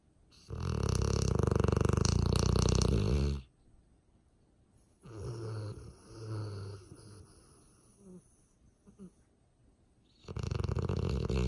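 Loud, deep, fluttering rumbles on the breaths of a sleeping dog, with quieter snuffling between them: snoring.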